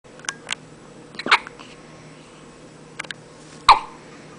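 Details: One-month-old jaundiced baby with frequent hiccups: several short, sharp, abrupt catches of breath at irregular intervals in a quiet room.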